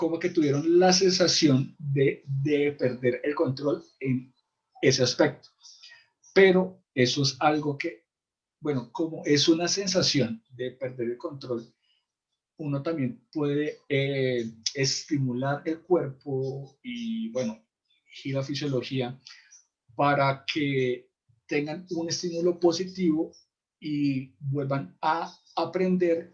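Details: Adult man who stutters, in a support group for people who stutter; he describes complete blocks and considers it incurable but manageable with ongoing work; stuttering.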